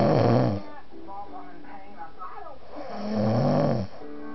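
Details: Loud snoring episode: two loud, rough, rattling inhaled snores with a quieter gap between them; heavy snoring.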